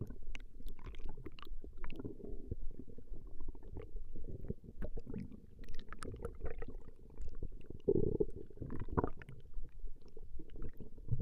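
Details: Female's stomach growling recorded over a 20-minute session: low, irregular rumbling and gurgling with a louder burst near the end, ordinary borborygmi.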